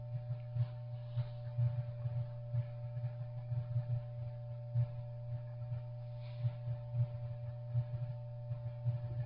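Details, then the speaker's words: Teaching recording of lung sounds with rales from fluid or mucus in the air passages: brief irregular popping and bubbling sounds over a steady electrical hum; crackles (rales). "what we are listening to right now are lung sounds that are rails which is the definition that you just wrote down"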